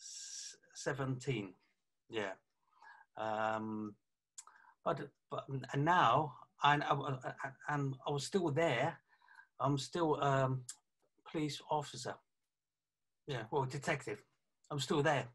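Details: 48-year-old man with communication aphasia after a stroke on 1 January about three years earlier that affected his right hand, leg and speech; he improved over the following months; aphasia.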